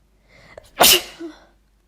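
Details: A woman, recorded four years ago, sneezes after using chhinkni sneezing powder: a quick intake of breath, then one loud, explosive sneeze.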